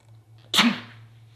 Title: When you sneeze and multiple people say “bless you” #sneeze #blessyou #shorts